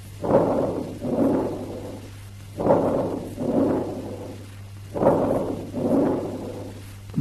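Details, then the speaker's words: Vesicular breath sounds with prolonged expiration: soft rustling breath sounds with expiration drawn out longer than inspiration, about 25 breaths a minute. "Harsh vesicular breath sounds. Bronchovesicular breath sounds. Vesicular breath sounds with prolonged expiration."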